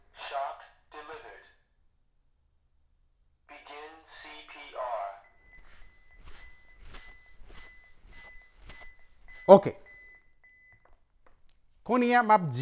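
Spoken device prompts followed by a run of regular electronic beeps, with room talk: an AED trainer giving voice instructions and alert tones.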